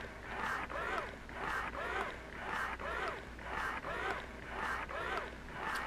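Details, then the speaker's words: Steady suction-and-release cycling, about one per second, of a Medela Pump in Style electric double breast pump in its slower expression rhythm after let-down, noticeably slower than the initial cycle. "now this is what it sounds like once the pump has been run and after the letdown"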